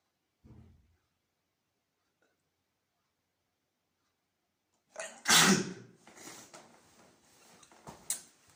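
A quiet stretch, then one loud explosive sneeze followed by sniffs and rustling.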